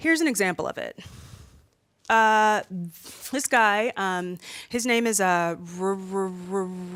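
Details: Stuttering in a woman who says she stutters a lot more when nervous in front of a room full of people.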